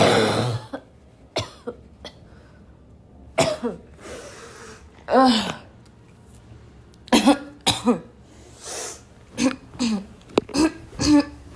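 Repeated loud, harsh barking coughs mixed with throat clearing and gasps, a continuing coughing fit.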